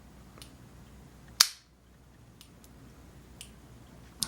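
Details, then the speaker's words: Omnipod insulin pump pod placed on the arm, started from the PDM: a single sharp snap as the cannula fires into the skin, then faint soft clicks in a quiet room, as basal delivery begins. "so I will hit the start button and it will begin and then shoot and fire"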